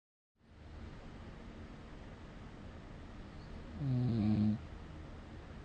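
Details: Snoring recording with snore score 60: steady room hiss, then one loud, rough, low-pitched snore lasting under a second near the end; snoring.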